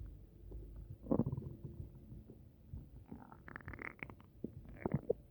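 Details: Upset stomach, possibly from something eaten: low, irregular gurgles and rumbles from the belly over a few seconds; stomach rumbling (borborygmi).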